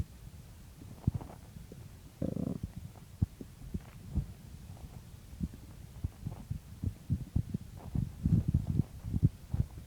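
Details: Morning stomach growling recorded just after waking: low gurgling and bubbling rumbles with scattered pops from the belly, borborygmi.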